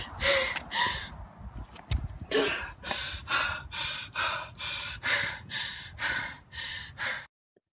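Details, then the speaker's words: Adolescent female athlete at the end of an exercise (running) session, with rapid, loud, harsh noisy breaths with a whistling edge; exercise-associated wheeze with breathlessness. "so let me introduce you to a young adolescent athlete who's referred with breathing issues wheezing sounds I'm going to play a video that she recorded or a family recorded and she was running in at the end of an exercise session"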